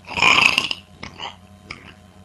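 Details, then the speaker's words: A loud rough burst followed by two softer guttural sounds with faint room noise; real, deliberate burping. "This is more than random burping."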